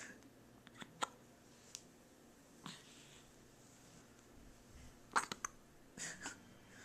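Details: 7-day-old baby, lifted up: soft, brief, squeaky hiccup sounds repeating at irregular intervals over quiet room noise; newborn hiccups.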